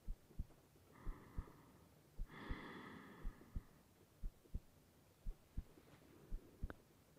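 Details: A woman's heartbeat recorded in bed for a sleep roleplay with rain in the background. Steady, soft lub-dub at about 57 beats a minute with breathy noise and a faint rain-like hiss; a normal resting heartbeat.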